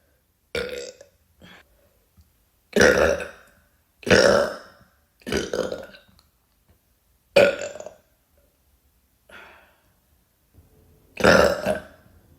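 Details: Six loud, drawn-out gurgling burps with quieter short ones between, separated by silence: repeated belching.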